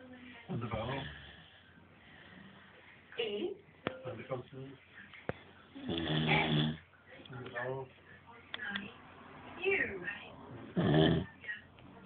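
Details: A father who denies snoring gives irregular, rough snoring and snorting breaths with sharp clicks during sleep, with some room noise.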